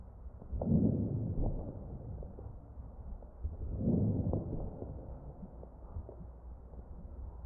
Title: Chest Ventilator_Crackles